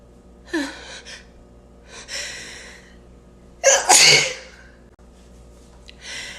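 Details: A person sneezes repeatedly: several sharp, hissing bursts with short indrawn breaths between them, the loudest near the middle, in a quiet room.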